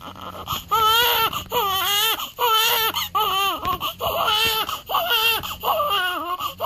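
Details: One-week-old newborn boy crying at final weigh-in before going home: rhythmic high-pitched wails about 37 a minute with short breaths between; ordinary healthy newborn cry.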